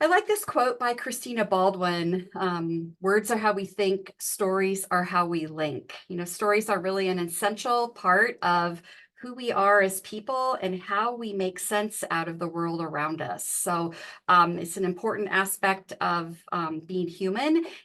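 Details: Adult woman speaking; normal speech.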